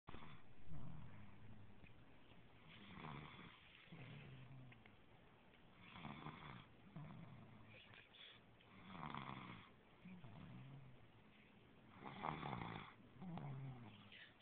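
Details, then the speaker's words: Female asleep after eating fried chicken, snoring: low, rumbling snores alternating with breathy exhales, about 20 breaths a minute, in a quiet room. "just had some fried chicken and didn't even make it to her bed. Itis knocked her out. Sounds just like her mother."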